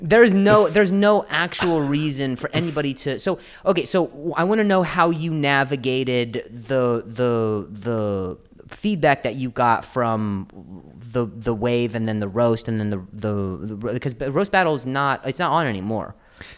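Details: Adult male comedian known for his own stutter, speaking spontaneously in English podcast conversation; real stuttering.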